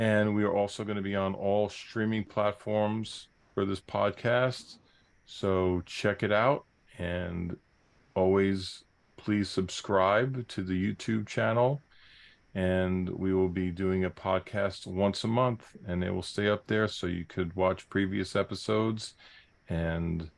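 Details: Adult male speaker; normal speech.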